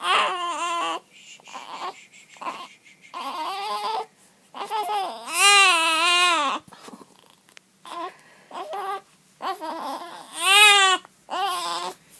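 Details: A six-day-old infant with hiccups cries steadily, with rising wails and short gasping pauses between them.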